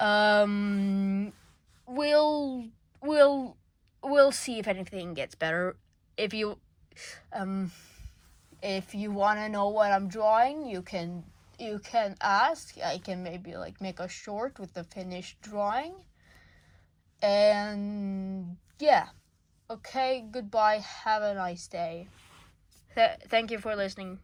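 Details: Self-reported frequent stuttering in a male speaker; stuttering.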